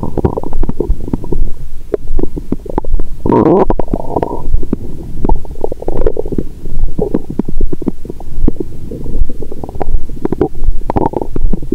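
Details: Continuous low gurgling and rumbling with frequent clicks and a few longer rushes, heard through a stethoscope over an adult woman's abdomen after wine and a meal following a 22-hour fast; period due: active bowel sounds.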